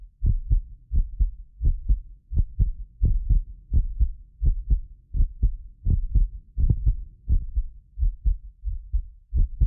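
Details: Heartbeat of a self-described medically fit person, recorded with more than six precision contact microphones: steady low lub-dub at about 86 per minute. Occasional doubled clicks come from about 6 ms delay between microphones. Normal heart sounds.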